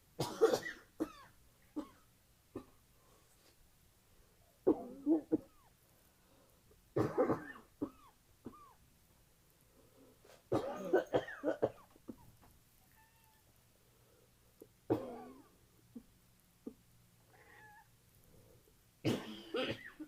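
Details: Repeated harsh, painful coughs in short clusters, with throat clearing and nose blowing during a recent common cold; a female cat meows in the background.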